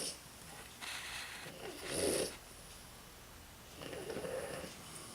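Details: Soft snorting snores with noisy breath sounds from a tired, sleeping flat-faced French Bulldog; snoring.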